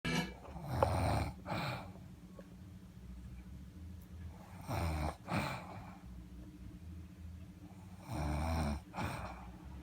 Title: She says she doesn't snore...